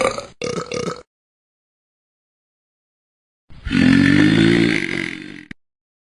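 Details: Burping from "talking cats": a short belch, then after a pause one long, deep, rumbling burp.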